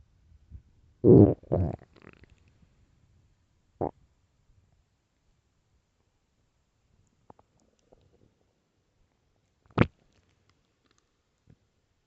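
Low gurgling rumbles from the belly, then a few brief squelches and one sharp gurgle in quiet; ordinary stomach growling.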